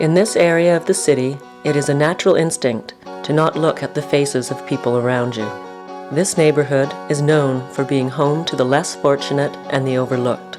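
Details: Adult narrator; normal speech.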